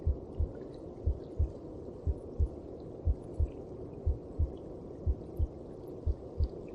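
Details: Steady, muffled double thumps at about 60 beats a minute over a low whooshing background: the mother's heartbeat as heard from inside the belly (womb).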